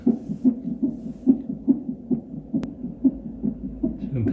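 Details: Fetal heart sounds on an electronic fetal monitor (non-stress test): rapid regular whooshing pulses about 130 per minute, roughly twice an adult's rate, normal fetal heart rate.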